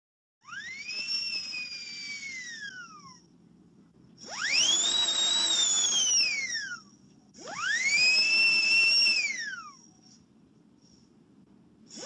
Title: Dentist Drill Sound Effects